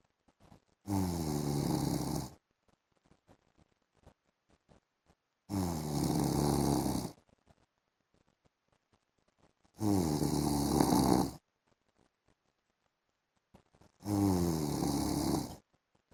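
Loud, rough snores on each in-breath, four in 16 seconds, about 15 a minute, with quiet gaps between; ordinary snoring.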